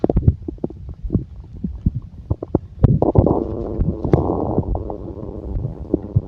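Low gurgling rumbles and bubbling pops from the belly, ordinary stomach growling from gas and fluid moving through the gut.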